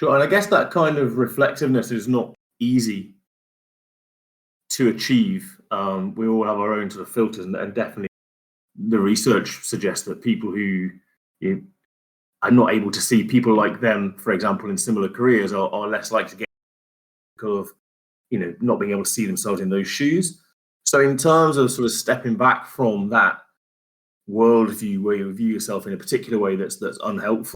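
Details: Adult male speaker; typical speech.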